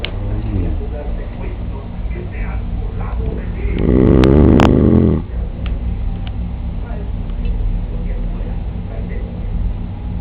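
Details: Snoring from an adult man asleep in a hotel: low, rattling, fluttering snore throughout, swelling into a louder, longer snore midway, over faint room noise.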